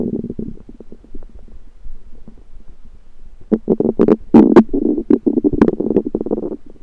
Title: Stomach Noises Random Rumbling